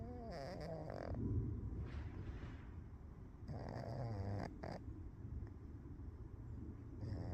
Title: cats sleep a snore.